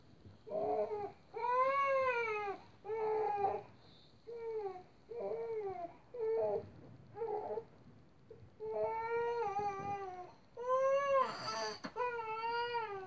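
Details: Infant girl crying at 5am after falling asleep around 2am: about ten rising-and-falling wail bursts with brief pauses between them in a small room; ordinary infant crying.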